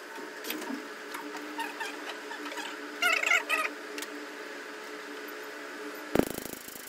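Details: Laser tattoo removal of a fabric-colour tattoo with a new powerful laser, after an earlier session elsewhere gave no result: rapid faint snapping clicks over a steady machine hum, ending in a sharp thud.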